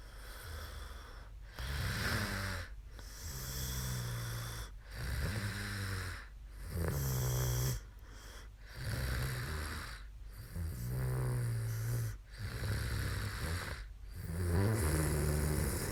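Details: A young woman who fell asleep during a livestream snores loudly and low with a rattle on each breath in, about 16 breaths a minute, with fluttering vibration: ordinary sleep snoring.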